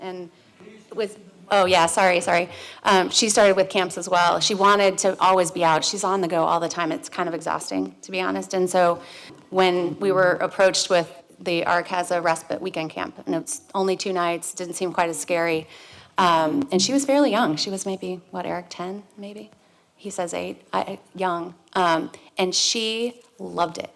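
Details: Adult woman; typical speech.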